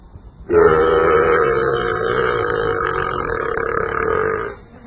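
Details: Man burping at cows: one long, loud, steady voluntary belch lasting about four seconds.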